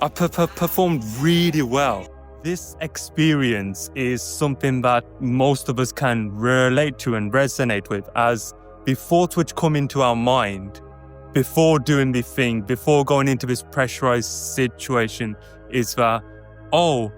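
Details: Adult male who identifies as a person who stutters; stuttering.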